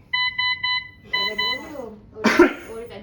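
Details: Löwenstein Elisa 600 ventilator demonstration explained in Malay: repeated beeping alarm tones broken by brief speech and a burst of noise.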